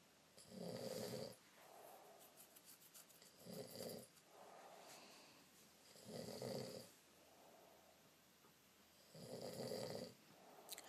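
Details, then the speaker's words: Sleeping male: rough, rattling snores about every three seconds, roughly 20 a minute, each followed by a softer breath out, loud enough to keep a listener awake; steady snoring in a quiet room. "you're snoring incredibly loud I can't sleep because of it"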